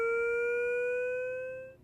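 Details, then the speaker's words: LIFEPAK 20 in AED mode after analysis, "shock advised, stand clear" prompt: rising steady electronic tone as the defibrillator charges, signaling it is readying to deliver a shock; defibrillator charging tone. "analyzing now stand clear shock advised stand clear push to shock before you push the shock button look around to make sure everyone is clear of the patient"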